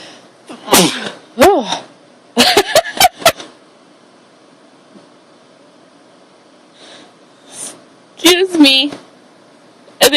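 Several sharp, explosive sneezes with short gaps between them, then a final cluster of sneezes near the end in a quiet room.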